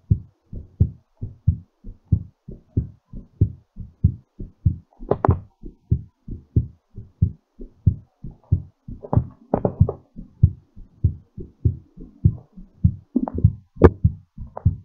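Steady, strong heartbeats at about 100 a minute, easing as the heart recovers after exercise.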